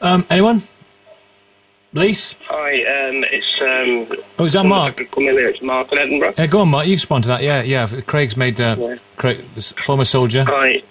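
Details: Adult male radio presenter, possibly with a phone-in caller; No speech disorder.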